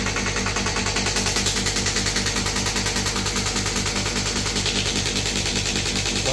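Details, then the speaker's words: Shock wave therapy machine demonstrated, compressor on, handpiece firing on the demonstrator's hand until it pricks: loud, steady, rapid rattling mechanical pulses, about two and a half per second. "Start यहां से machine हो गई। Compressor चालू हो गया। जब मैं इस बटन को दबाऊंगा तब मशीन स्टार्ट होगी।"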